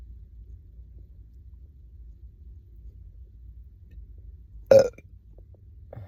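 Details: Person burping after chugging soda on an empty stomach, bloated with hunger gurgles: one loud, short belch against quiet low room noise.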